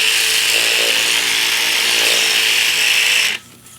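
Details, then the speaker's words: Loud, steady buzzing for about three seconds, then it stops: the Cellfina reciprocating micro-blade, advanced under suction within the guided platform track, is moved left to right to cut the fibrous bands beneath cellulite dimples. "okay and I'm going to turn it on and you're going to move the blade from left to right in the"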